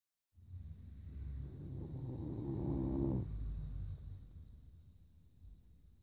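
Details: Rhodesian Ridgeback dog snoring in good sleep: one long, low fluttering snore on a breath, with a steady high hiss in the background.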